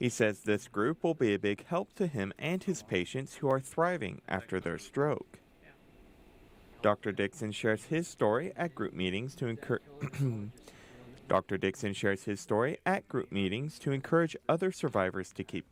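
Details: Adult male narrator; Typical speech.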